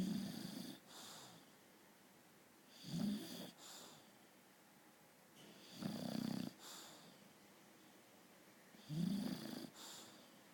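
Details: Sleeping British bulldog: loud, rattling snores on each breath in, each followed by a softer breath out, about 20 breaths/min. Snoring.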